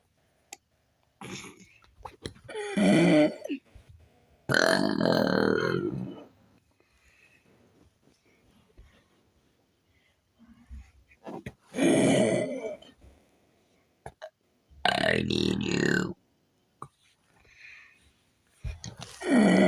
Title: me burping on command